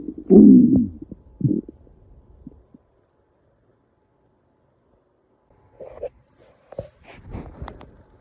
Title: stomach growl